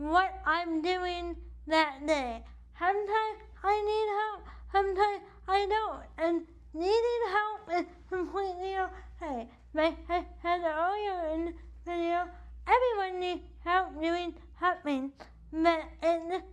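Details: Adult woman with cerebral palsy affecting the right side of her body, with weak right arm, uses a wheelchair, and states CP affects her speech; dysarthria (cerebral palsy).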